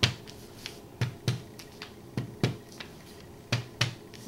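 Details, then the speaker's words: Resonant percussion note over the anterior chest on lung areas, in a simulated physical assessment: paired finger taps give a hollow, low-pitched resonant note, the normal sound over healthy lung. "It should be generally resonance, the area here."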